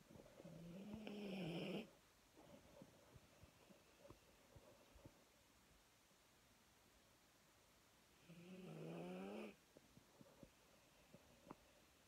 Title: Snowy snoring